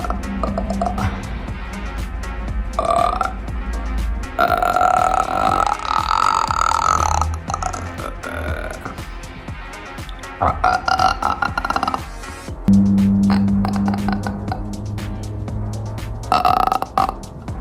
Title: coke burps